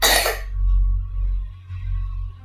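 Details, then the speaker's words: A nurse coaches a deliberate cough in an effective-coughing exercise: breathe in through the nose, hold 3 seconds, then cough out. One brief, forceful cough is heard over a steady low hum. "tarik nafas, batukkan. Lagi tarik nafas, batukkan. Bisa keluar."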